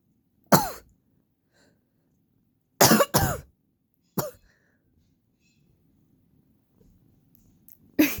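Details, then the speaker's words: Five loud, sharp, dry single coughs, two close together, separated by quiet pauses, from a person with allergies; the cat Shiro dislikes the coughing. "Shiro. You might annoying, oh, I'm sorry, honey. I'll try to keep the coughing down low."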